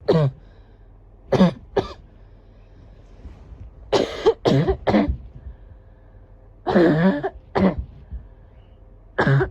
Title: Barking cough *1